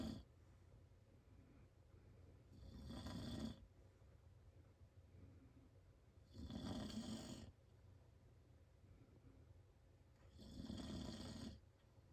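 Three loud, rough snores about four seconds apart, roughly 15 a minute, with quiet breathing between them. This is heavy snoring.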